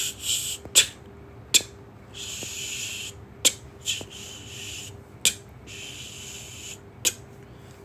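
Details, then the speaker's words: Vocal imitation of the ejection systolic murmur of aortic stenosis: sharp mouth clicks for heart sounds with a hissing crescendo-decrescendo murmur between them, described as radiating to the apex and carotids with late systolic accentuation. "so if I have to show a sound of the ejection Starlet Mama it'd be something like [Music]"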